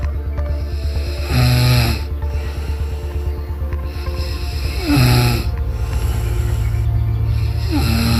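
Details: Pet cat asleep, snoring, with background music.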